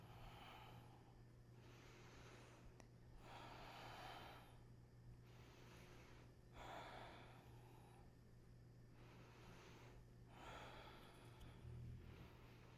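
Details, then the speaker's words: Snoring from a sleeping pet dog: rhythmic, about four noisy breaths in thirteen seconds, over a steady low room hum. "You can hear one of my dogs snoring."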